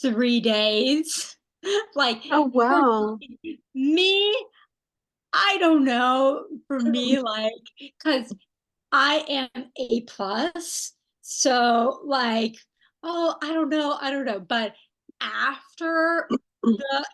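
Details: Non-fluent, agrammatic aphasia in a young woman after a stroke at age 27, with right-sided weakness; she is a stroke research study participant in an intensive 6-hour-a-day therapy program.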